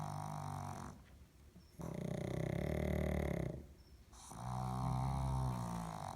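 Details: Sick female pug sleeping beside her owner: loud, rattling snores with long, drawn-out breaths and brief pauses between them; flat-faced dog snoring.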